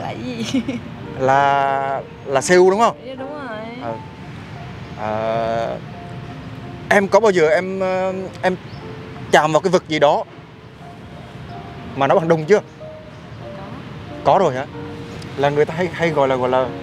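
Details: Young man acting as a stutterer in a prank, speaking with repetitions while asking a question: stuttering (acted).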